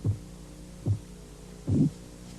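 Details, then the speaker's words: Korotkoff phase 2 during blood pressure cuff deflation: three low tapping beats accompanied by a softer swishing, murmur-like tail. "al comienzo de la fase korotkov 2 el golpeteo está acompañado de un murmullo o de sonidos de crujidos"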